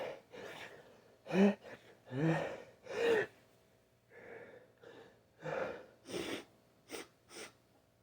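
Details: Male with a persistent tickle in the nose coaxing sneezes with a tissue: gasping in-breaths build to three big, forceful sneezes, with sniffs and snorts between.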